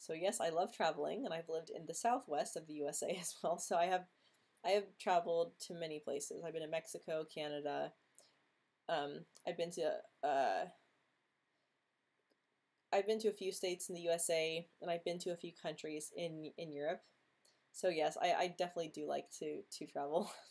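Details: Female who has stuttered since age 9 or 10, quite disfluent this week, reporting blocks and tension in jaw, mouth and tongue; stuttering.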